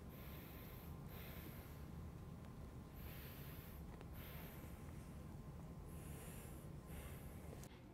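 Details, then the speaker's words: Anterior chest auscultation on bare skin, seated patient taking deep mouth breaths: soft, even airflow, good air entry to bases, equal bilaterally, no wheezes, crackles or other adventitious sounds: normal bronchovesicular breath sounds. "i noted good air entry to bases equal bilaterally no adventitious sounds heard throughout anterior forex bronchovisicular"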